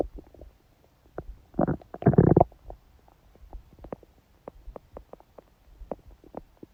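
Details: A loud gurgling growl followed by scattered small pops and bubbling; stomach growling recorded by a woman during her period, with only a dull ache felt; ordinary borborygmi.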